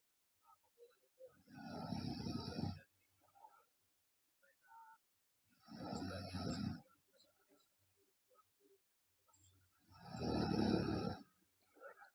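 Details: Girl snoring loudly: harsh snores roughly every four seconds, about 14 breaths a minute, with small mouth sounds between breaths; snoring.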